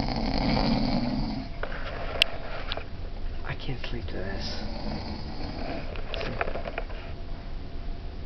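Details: Adult brother asleep in a cruise ship cabin: loud, rough snoring with low rattling noise in a small room.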